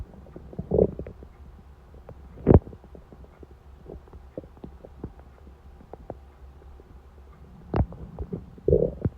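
Low gurgling stomach rumbles with a few louder squelching bursts over a steady faint background; ordinary hunger rumbling.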